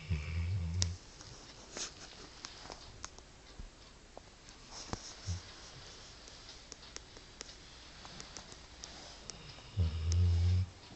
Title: #Lucky_O #snoring #ZZZzzz LOVE IT !!!!!!!!!!!!!